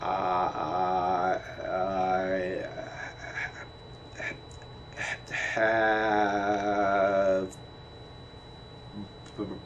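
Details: Adult male lecturer imitating; Broca's aphasia (expressive aphasia), imitated.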